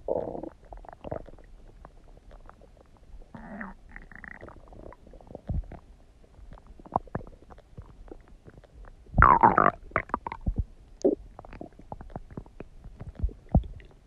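Repeated gurgles, low rumbles and a few squeaky bubbling runs: stomach gurgling from gas and fluid moving in the gut.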